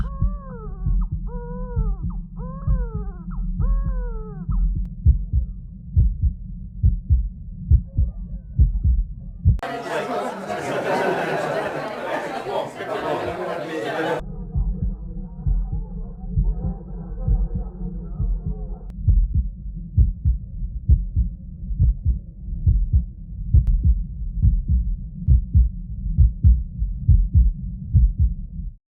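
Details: Heart sounds recorded with Eko CORE 500 and 3M Littmann CORE digital stethoscopes amid background noise: regular heartbeat about 67 a minute with a siren, loud noise burst and chatter behind.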